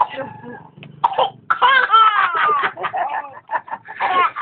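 A young child laughs in high-pitched bursts broken by a few short, abrupt coughs.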